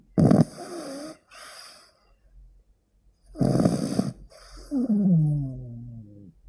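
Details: A sleeping 15-week-old pug puppy gives two loud, rattling snorts about three seconds apart, the second trailing into a whistling exhale: ordinary dog snoring.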